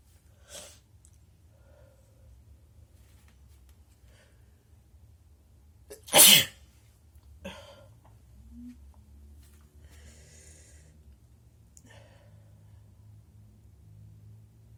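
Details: A single loud, sharp sneeze from a person after trying to provoke sneezing, standing out against a quiet room, with a few soft breaths and rustles around it.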